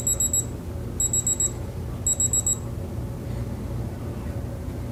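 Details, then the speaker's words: Digital thermometer held under the tongue during a head-to-toe physical exam: three bursts of rapid high-pitched beeps over low room hum signal a completed reading of 36.6 °C sublingual. "i'll just gonna take your temperature with this so just hold this underneath your tongue until it beeps okay"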